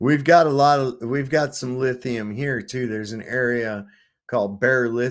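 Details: Adult man speaking; Normal speech.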